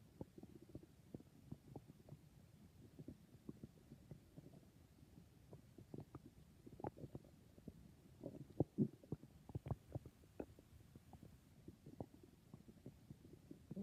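Soft, irregular gurgles and low rumbles from the abdomen throughout, typical of ordinary stomach growling from gas and fluid moving through the gut.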